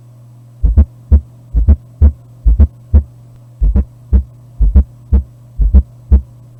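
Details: Fourth heart sound (S4 gallop), described as frequent in systemic arterial hypertension, especially with diastolic pressure above 100 mmHg.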